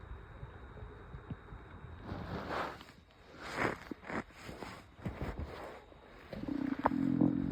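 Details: After almost 3 days without solid food, only iced tea, with occasional sharp stomach pains: faint, irregular gurgling and rumbling over construction background noise; stomach growling (borborygmi) from hunger.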